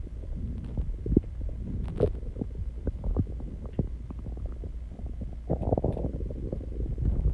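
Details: Stomach growling recorded close against the body after exercise and calming down: low rumbling with irregular gurgles and small pops.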